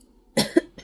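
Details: A single short dry cough in a quiet room from an adult during a spoken tarot reading.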